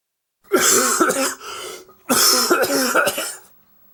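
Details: Adult man acting a dry, forced cough as a sound effect: two harsh, dry coughing bursts with no wet rattle.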